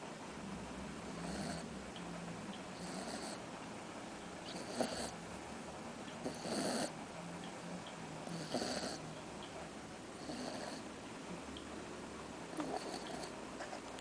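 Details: Cocker spaniel snoring while asleep, possibly dreaming: soft, regular snuffling snores at about 30 breaths a minute, with a faint hissy whistle on each breath.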